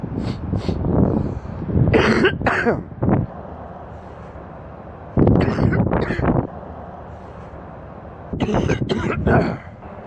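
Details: Adult man sick with an extremely stuffy nose: three bouts of deep, heavy coughing, several coughs each, over steady background noise; a wet, productive cough.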